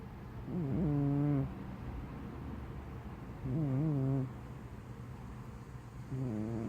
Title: Tucked in snores